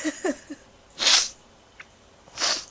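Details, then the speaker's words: Person on a home vlog who suspects high fever or an allergy; a short inward breath, then two sharp, hissing sneeze bursts about 1.5 seconds apart in a quiet room; sneezing. "I'm gonna sneeze oh geez excuse me guys that's not very nice is it no stupid hey if I think it's high fever or an allergy or something I don't know"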